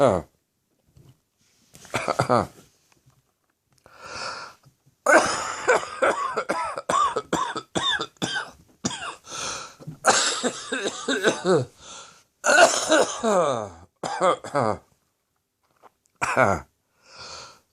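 Repeated harsh coughing bouts with throat clearing in an adult with a throat infection.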